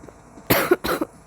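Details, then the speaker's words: Person coughing while trying to hold coughs in: two short, sharp dry coughs in quick succession. "I'm sorry that I'm coughing. I don't really want to cough. I know it's nasty."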